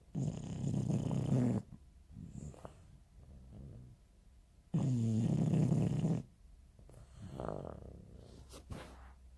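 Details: English bulldog snoring loudly in sleep: two long, loud, rattling snores with quieter breaths between them.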